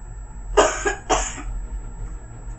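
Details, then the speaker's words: Two short, forceful acted coughs from an adult in a quiet small room, during a demonstration of coughing into a box; the cough is blamed on allergies. "so how does it work oh it's simple you just take the top off you cough into the box and all the germs and the bacteria go inside"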